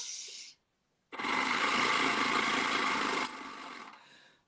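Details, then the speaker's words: A brief hiss, then sustained rapid buzzing rattle, about four pulses a second, as air is blown through the vibrating valve of a handheld oscillating breathing trainer used to condition the soft palate and tongue in sleep apnea. "Ama şu cihazla da şuradan görebiliyor musunuz bilmiyorum ama içeride titreşen bir valv var ve o şu kısımdan şu genizde üflerken titreşim yapıyor."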